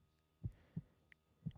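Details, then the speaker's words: Fetal heartbeat heard with a stethoscope placed on the mother's abdomen: soft, low, quick thumps over a faint hum. "you know last time i checked that sound means life last time i checked that sound means something is living this is not a blob of tissue this is a human being"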